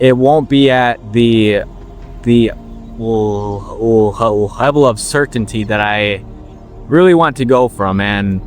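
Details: 21-year-old man with a stutter since he could talk, working to overcome it by slowing down; word repetitions audible; stuttering.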